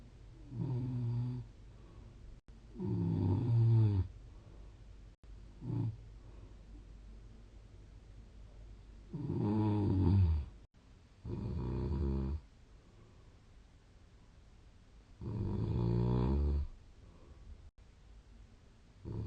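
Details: Snoring recorded 3 Dec 2020, snore score 47. Loud, rough, rattling snores at irregular intervals, some short and some long, with quiet breathing and faint room noise between.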